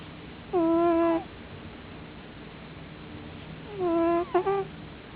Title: My cat snoring very loud!!!